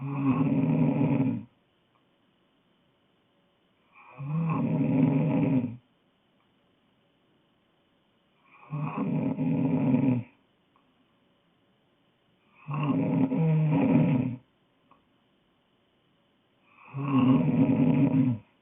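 Five loud, rough, rumbling snores, about one every 4 seconds, roughly 15 breaths a minute, with silent pauses between; ordinary snoring in sleep.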